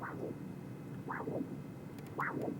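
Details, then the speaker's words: Spectral pulsed Doppler of a normal healthy femoral artery near the SFA/profunda origin, lower-extremity arterial duplex exam, peak velocity about 100 cm/s: three whooshing pulses, each a sharp rising swish, brief reversal and softer forward component, a normal triphasic arterial signal. "down here in the spectral Doppler we see a nice triphasic waveform and our Peak velocity in this example is about 100 cm/ second that's absolutely normal in the peripheral arteries"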